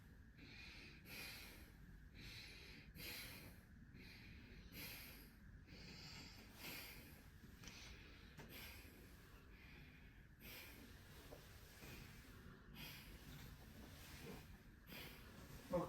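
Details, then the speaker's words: Normal vesicular breath sounds over the front of the chest through a stethoscope during a physical exam, patient taking deep breaths: soft, even sounds over about eight cycles with no adventitious sounds. "Okay, very good. Now, for the frontal part, no adventitious sound. We have vesicular lung sound to the front."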